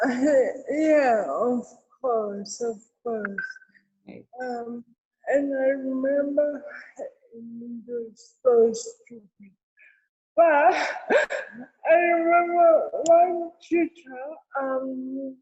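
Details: Real speech from an adult woman with cerebral palsy: dysarthria (cerebral palsy).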